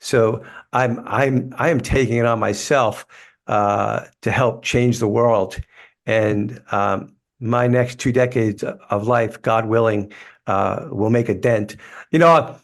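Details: Life-long stuttering in an adult man, which he describes as a neurological condition that gets tougher when he is tired.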